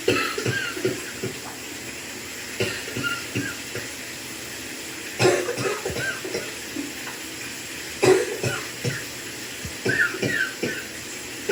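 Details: Coughing while in the shower: several short, loose cough bursts over steady running water, spaced irregularly.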